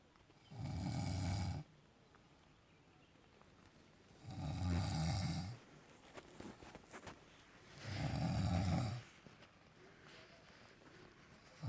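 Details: Snoring recorded at Malshej Ghat, described as above 4000 metres altitude: three deep, rumbling snores about every four seconds, roughly 15 breaths a minute, with quiet between them.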